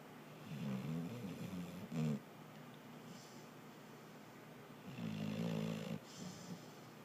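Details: Sleeping pet snoring: two low, rattling snores about a second each, with quiet breathing between.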